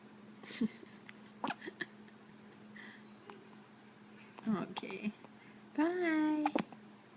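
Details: Cat with hiccups, again; several brief abrupt clicking bursts at irregular intervals in a quiet room, a short voiced sound near the end: hiccups.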